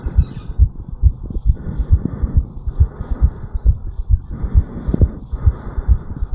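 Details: 34-year-old male after jogging up a flight of stairs, recorded over the mitral area: rapid, regular, forceful lub-dub pairs at about 130 per minute with faint breath noise; sinus tachycardia after exercise.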